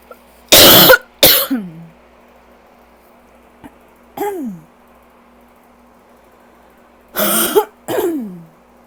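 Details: Self-described rough allergy cough, coughing all day with a very tight chest: bursts of harsh, rough coughing in clusters, some followed by a falling vocal groan.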